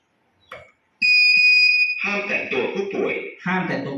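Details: Training session on a manikin: AED emits a steady high electronic beep about a second long while analysing heart rhythm after pads are placed on the chest, before advising a shock.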